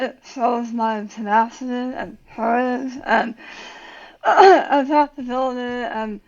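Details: Adult woman about 9 years after tongue cancer surgery with leg-flap tongue reconstruction and radiation; relearned to talk, speech worse when tired, some words she cannot say; articulation difficulty after glossectomy.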